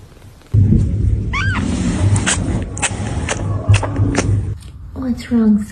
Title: Cute Kittens Sneezing #funnycats #catbehavior #catlovers